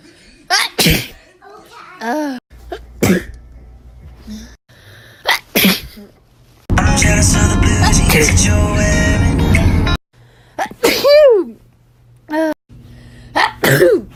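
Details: Compilation of a person's sneezes over a year: about five sharp, explosive sneezes with a burst of loud music and brief talk between; ordinary sneezing.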